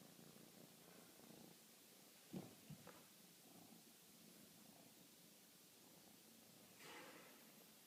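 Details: Sleeping cat's light snoring: a quiet, steady purr-like rumble with a soft breathy exhale.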